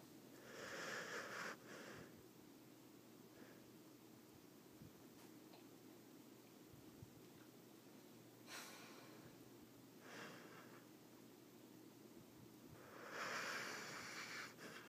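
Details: Soft, noisy snorting breaths at slow intervals from a sleeping Vizsla dog in a quiet room; light snoring.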